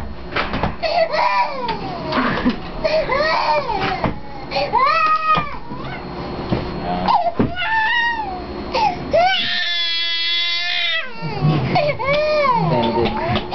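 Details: Cranky firstborn baby girl cries hard in repeated loud, rising and falling wails while adults, including her father, try to soothe her.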